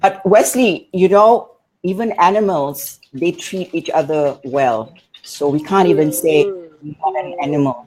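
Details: Adult speaker; typical speech.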